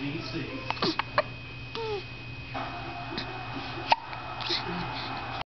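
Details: Infant girl in her car seat on the way to her first doctor appointment: several short, abrupt vocal hiccup sounds with pauses between, over steady room noise and a faint tone; hiccups.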